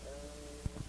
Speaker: when egophony occurs if the patient says e the letter will sound like a because there is transmission of the higher frequencies or formants